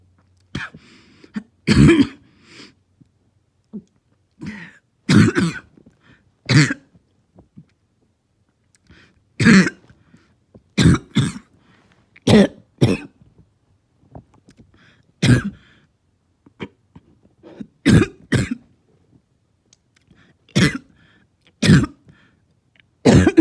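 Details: About fourteen short, harsh barking coughs in a quiet room.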